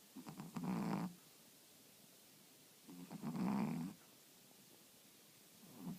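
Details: Two slow, rumbling snores separated by quiet pauses, about 20 breaths a minute; ordinary snoring.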